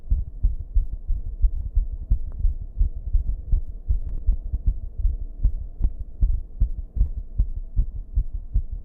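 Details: Fast, loud heart thumps with uneven spacing: a racing rhythm turning irregular, with heavy breathing, recorded in a bathroom with a steady background buzz; rapid irregular heartbeat.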